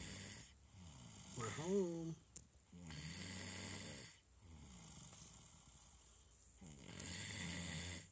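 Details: Worn-out girl sleeping; slow, rhythmic rumbling breaths with a fluttering noise on each breath in, about two breaths over eight seconds. Steady snoring.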